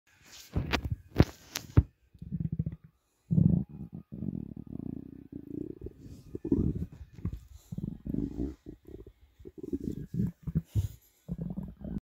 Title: Long loud hunger growl